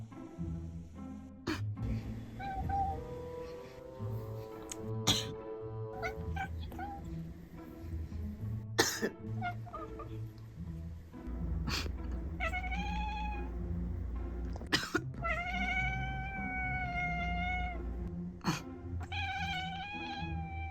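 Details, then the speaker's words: Five short, sharp real coughs from an adult, each answered by a pet cat's drawn-out irritated meowing, over background music. "The cat is responding to the sound of a real cough;"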